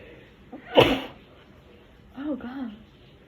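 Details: Induced sneeze: a single sharp, explosive sneeze burst followed by a brief voiced sound.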